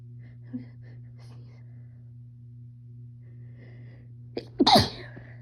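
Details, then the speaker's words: A female announces she is about to sneeze, then after several seconds of quiet room hum gives a single forceful sneeze with a quick intake of breath; sneeze. "I'm gonna sneeze. You sneeze."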